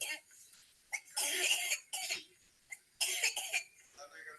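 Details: Infant in recovery position after removal of an airway foreign body under ventilation, being monitored: several short, harsh coughs, an irritative cough.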